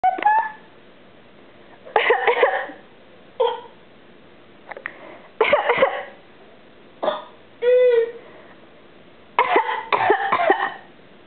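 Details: A child gives a series of short, forced, voiced coughs, deliberately faked rather than a true cough.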